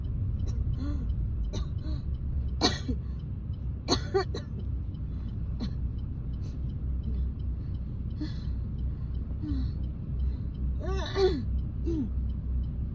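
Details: Wet cough while driving, recorded a week earlier: repeated short, loose, phlegmy coughs and throat clearing over car engine noise, with phlegm that will not clear and a voice gone hoarse.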